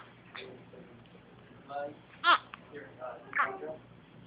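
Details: Sleeping infant with hiccups: brief, broken whimpers and fussy cries in a quiet room; mild intermittent crying.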